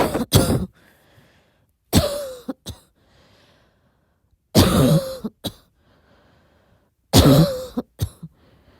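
Four bouts of soft coughing, each one or two coughs, with quiet gaps between; a repeated night-time cough.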